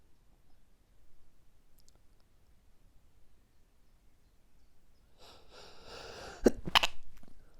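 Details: Morning allergic sneezing fit, which happens every morning and continued five more minutes after recording stopped: quiet breathing, a rising breath, then two sharp, forceful sneezes close together.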